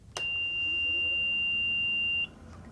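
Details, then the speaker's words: Home oxygen concentrator switched on for a patient prescribed 2 litres of oxygen via nasal cannula: a single steady high start-up alarm beep of about two seconds, then a green light shows normal function. "can see the alarm stopped and a green light ozone 2 tells us functioning properly"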